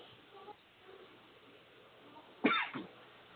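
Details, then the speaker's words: A single short, sharp cough against quiet room noise from a radio show speaker speaking live, who says he seems to have a cough today for some reason. "I seem to have the cough today for some reason."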